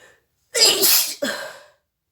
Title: nose blowing sneezing challenges video ( most requested)